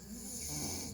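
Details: Snoring during sleep: a short, rough, rattling breath noise over steady background hiss.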